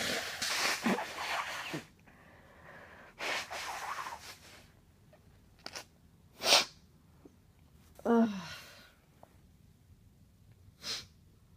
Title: sneeze, then blowing into hanky